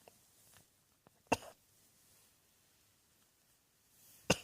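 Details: Two short, sharp single coughs a few seconds apart, with quiet room noise between.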